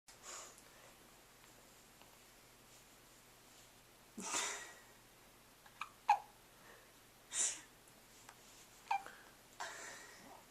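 Several brief, sharp, spaced bursts of breath in a quiet room. These are hiccups, sudden involuntary catches of breath.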